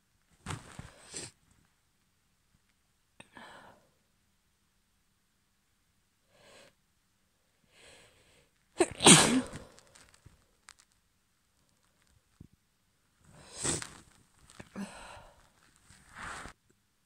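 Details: Female near the end of a cold, woke up sneezing: a series of sneezes with quieter sniffs and breaths between them.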